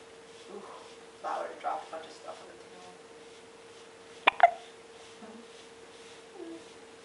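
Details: Hiccups in a one-month-old infant: a quiet room with soft voice sounds, then a quick pair of sharp, clipped hiccups.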